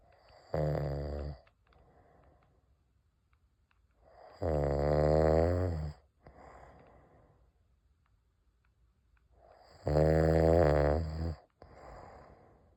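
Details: Adult husband sleeping at a lake in the morning: loud, buzzing snores on each in-breath, each followed by a softer breath out, about 11 breaths a minute; heavy snoring.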